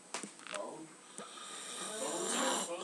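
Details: An adult brother-in-law snoring while asleep on Christmas: a long, rough, rattling breath with a few brief noisy bursts before it.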